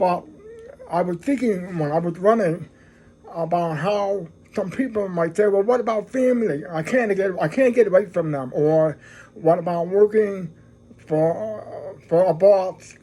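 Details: Deaf man who describes having a "deaf voice"; deaf speech.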